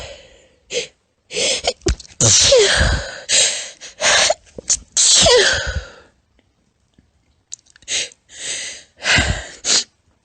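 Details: Female, stifled, tiny, squeaky sneezing: about eight short, high-pitched, partly stifled sneezes, some with quick inhalations before them; sneeze.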